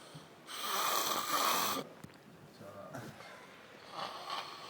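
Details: Man passed out in Ibiza, not woken even by a firm slap, snoring for about three hours: one long, loud, harsh snore on a breath in, then quieter noisy breathing and a fainter second snore.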